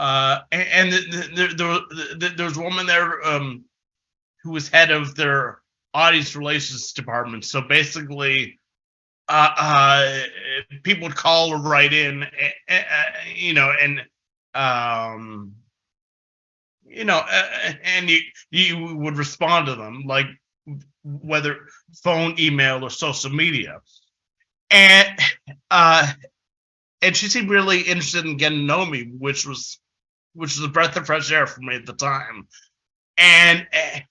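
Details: Adult male who has stuttered since about age six, heard giving a conference presentation with filler repetitions and pauses: stuttering.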